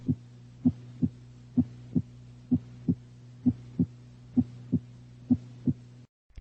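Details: Regular paired lub-dub beats at about 64 a minute over a steady low hum, with a brief unrelated sound at the end; normal first and second heart sounds S1 and S2.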